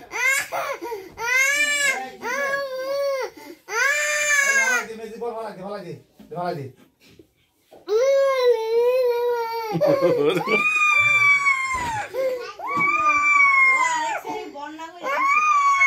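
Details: A young child crying: loud, sustained wailing cries with sobbing breaths between bursts, in a small room.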